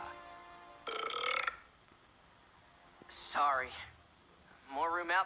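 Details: Simulated burping from the Ben 10 cartoon soundtrack: several loud, drawn-out belches with faint music behind them.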